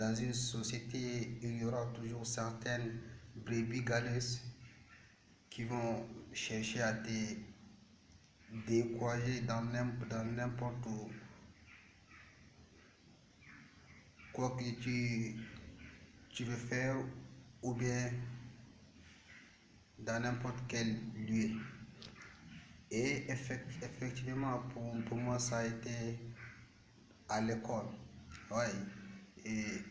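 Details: Male speaker with stuttering since age 7; stuttering.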